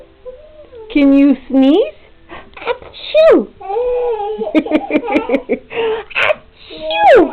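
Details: Baby boy pulling himself up at a mirror, sleepy and due for a nap after dropping his pacifier: whiny, wailing vocalizations with rising and falling pitch; fussy infant crying.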